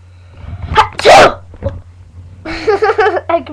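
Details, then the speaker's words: Real (not faked) sneeze recorded on a webcam: a sharp, explosive sneeze with a short intake before it, then brief vocal sounds over a steady low hum. "I'll try to It keeps sneezing. Sorry, it's a real one. That was a funny sneeze."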